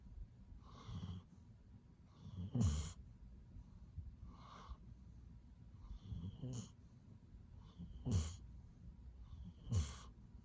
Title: Luggy’s relaxing and cute snore 🐶